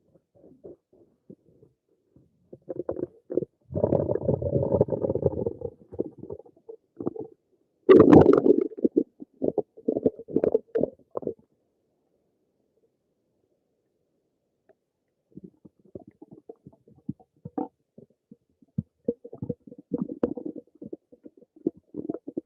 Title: Some more of my stomach noises